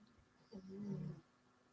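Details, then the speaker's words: Sleeping dog snoring in the background of a guided meditation: a single low, rumbling, drawn-out snore under one second against quiet room noise. "You can also make space for the sound of my dog snoring in the background. There is enough space for that too."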